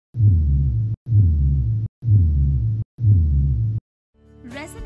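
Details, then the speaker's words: Simulated lung percussion: four short, flat, low thuds without ringing; a dull percussion note over the lungs, which may suggest fluid, a mass or consolidation beneath. "If you hear dullness over the lungs during percussion, this could possibly suspect the presence of a mass or consolidation."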